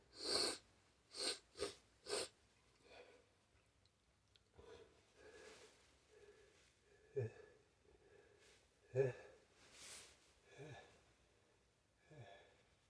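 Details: A person with a tickle in the nose announces an oncoming sneeze: a quick run of four sharp sneezes, followed by sniffing, noisy breaths and soft voice sounds.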